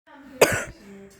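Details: Single harsh cough burst with a brief voiced tail after a faint hum of voice, from someone who can hardly talk.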